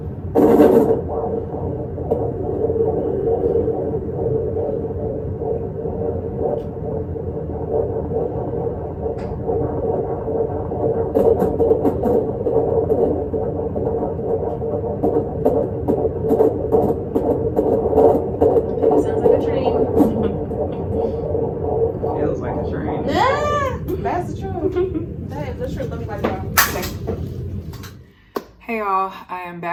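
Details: Fetal heartbeat on Doppler at a routine 25-week prenatal visit, with earlier placenta previa noted at 20 weeks: a steady, train-like whooshing rhythm at about 143 beats a minute.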